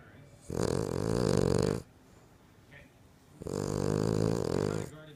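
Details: Two loud, long, rattling snores separated by a quiet pause from a sleeping female King Charles Cocker Spaniel; the owner says she snores louder than any person.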